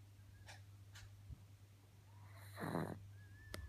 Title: Monty the Snoring Pug